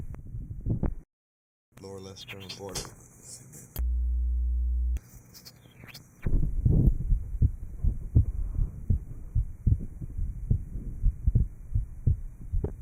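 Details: 1955 Johns Hopkins heart sound laboratory recording of a patient after inter-atrial septal defect repair, taken at the aortic area, pulmonic area and lower left area; regular low heart sounds with a soft murmur.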